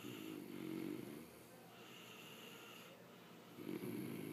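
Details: Father and son snoring at the same time: rough, rattling snores on breathing in, two in about four seconds, with quiet pauses between; ordinary snoring.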